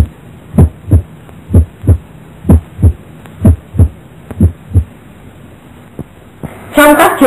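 Regular heartbeat around 62 a minute with crisp first sounds, consistent with normal heart sounds moving to a loud first heart sound.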